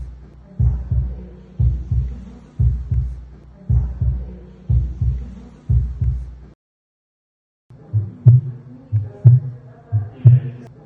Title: Аускультация сердца